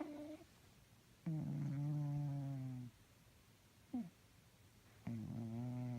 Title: Snoring and sleeping cats makes weird noises 😂😻